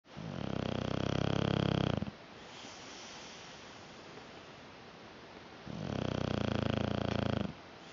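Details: Sleeping dog snoring: two long rumbling snores on the breaths in, separated by a quiet breath out; ordinary snoring.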